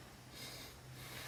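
Steady airy rush of breath through one nostril, with no congested or blocked quality and a low room hum: a clear, patent nasal passage.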